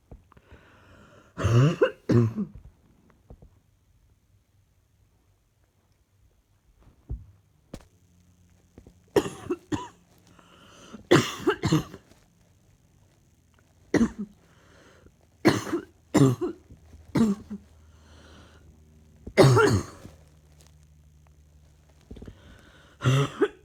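An adult coughs repeatedly, about a dozen short coughs in small bouts over twenty seconds.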